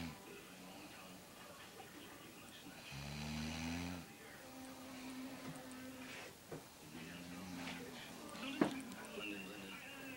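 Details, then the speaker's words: A sleeping female snoring loudly, likened to a bear: repeated droning, rattling breaths over background room noise. "guys get out that's so scary she sounds like a bear okay I got to go I'm get in trouble"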